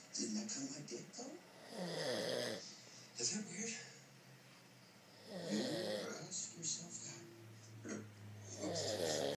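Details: Man passed out asleep snoring: loud, rough snores on breathing in, quieter breaths out between them, about 17 breaths a minute; ordinary snoring.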